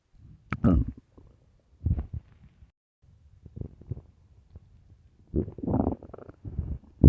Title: early morning stomach growls (headphones) part 3